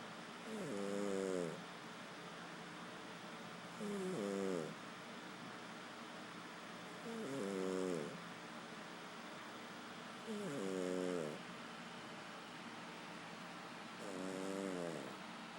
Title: Peanut snoring